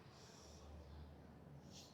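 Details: Child teaching how to snore makes a single deep, rumbling nasal snort imitating a snore, in a small quiet room; snoring imitation.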